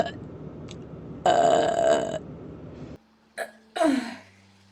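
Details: Female streamer's burp compilation: one long, loud, rumbling belch, then two shorter burps after a brief pause; burping.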